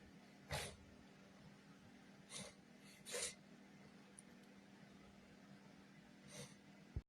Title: Big Sneeze and Nose Sniffing #sneezing